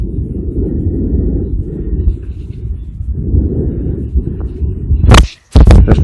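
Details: Normal breath sounds recorded on a mobile phone through a homemade stethoscope (stethoscope head joined to the phone's earphones) while the patient is told to breathe deeply: soft, low rushing sounds rising and falling, then loud scraping handling noise.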